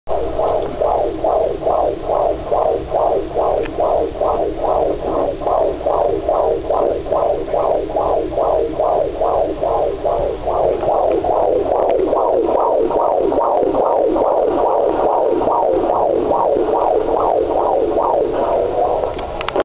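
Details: Fast, regular whooshing pulses at about 143 per minute over a steady hum: parents listening to their baby's fetal heartbeat by Doppler, within the normal range.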